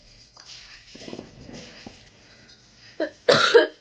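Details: Heavy-smoking woman in the morning, smoking two cigarettes back to back with deep drags: breathy exhalations, then two harsh, forceful coughs as smoke hits her throat; smoker's cough.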